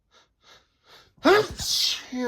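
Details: Male sneezing repeatedly in December, in a run he can't stop: a few faint quick in-breaths, then one loud explosive sneeze with a voiced, cry-like onset.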